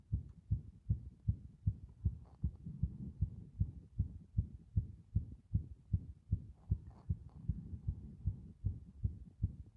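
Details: Steady, regular low thumps at about 150 a minute, a fast heartbeat, presented as showing the strength of the heart muscle.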